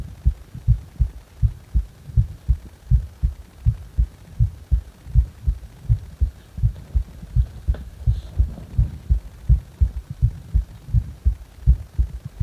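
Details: Repeated low thumping heartbeats at about 81 per minute with a faint low hum underneath, recorded while the person felt discomfort in the heart.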